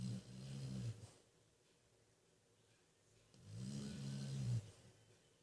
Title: my snoring chow chow:D